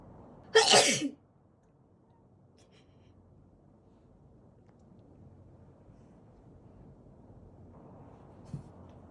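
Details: Person sneezing while their cat reacts: one sharp, loud sneeze, then several seconds of quiet room noise with a faint knock near the end.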